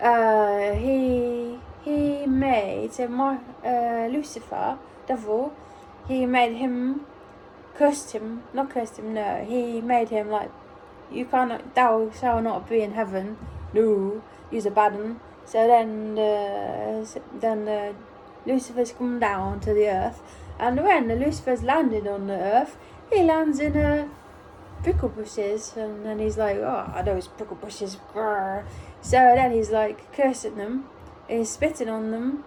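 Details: Apraxia of speech in an adult almost one year after a ruptured brain aneurysm, during brain injury aphasia recovery.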